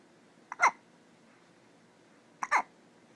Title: Little baby hiccups